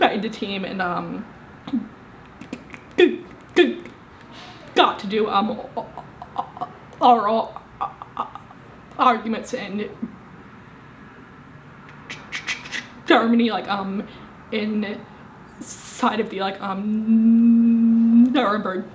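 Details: Woman, 25, with a severe stutter present since at least age 18; stuttering.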